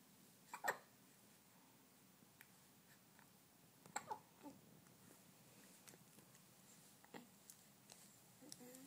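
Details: Hiccups: a few short, sudden catches of breath at irregular intervals in a quiet room.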